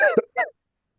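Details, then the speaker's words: Adult who has been ill this week with fever, aches, chills, cough and sinus pressure, now on the mend, gives a short, voiced, throaty cough in two bursts, like throat clearing; cough. "Yeah. I mean, you can hear that I'm coughing. Uh this has been a difficult week for me. I've been quite ill. fever, aches, chills, coughs, sinus pressure,"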